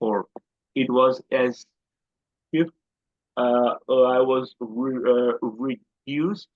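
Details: Adult man who stammers and describes his stammer as quite severe. Finding: stuttering.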